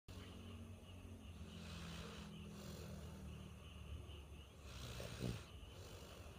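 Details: Snoring at age 3 years 10 months: steady, low rumbling breathing with a soft snort near the end, over constant background hum.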